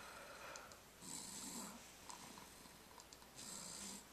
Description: Tsunami snores away the weekend